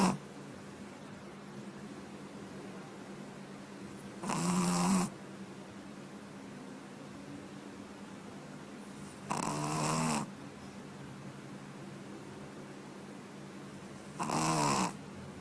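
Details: Puppy snoring while asleep: three slow, rattling snores about five seconds apart, roughly 12 a minute, over steady room hum.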